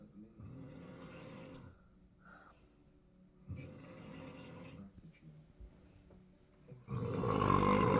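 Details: Rattling, low snores on each in-breath separated by quiet pauses, ending in a louder rough snore, quiet room; ordinary snoring.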